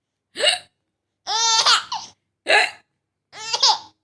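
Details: Mother's hiccups: four sharp voiced bursts with giggly, babbling sounds, suggesting hiccups mixed with baby laughter; hiccups.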